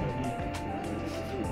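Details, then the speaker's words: Transcranial Doppler of the anterior cerebral artery, picked up by coming back from the MCA bifurcation landmark during hands-on scanning; the ACA signal sounds low. "So come back up and you'll get your ACA coming in. See that? Hear how low it sounds?"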